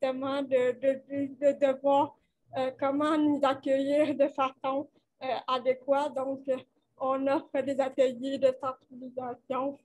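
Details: 29-year-old woman with cerebral palsy caused by lack of oxygen at birth, who appears to mention speech difficulties, speaking French; dysarthria with cerebral palsy.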